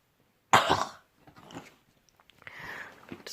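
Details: One sharp, loud cough from an ill adult, followed by quieter throat and mouth sounds. Cough.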